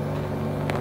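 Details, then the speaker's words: Electric medical suction machine (aspirator) with vacuum jar, filter and vacuum control, switched on and tested before its suction rate is adjusted: steady low motor hum of the pump running continuously. "okay now let us turn it on and see now his plot and we turn it on as you can see this is the pipe let me test it"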